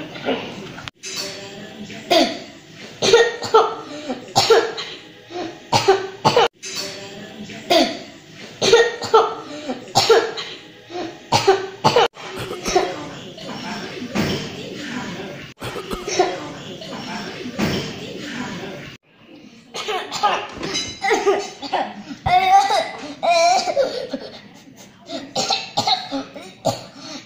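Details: Repeated acted coughs from adults, short sharp bursts scattered through the clip with some voices between, demonstrating right and wrong ways to cough; simulated.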